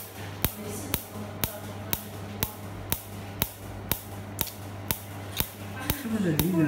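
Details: Q-switched Nd:YAG laser tattoo-removal machine firing: sharp snapping clicks about twice a second, about 13 pulses, over a low room hum.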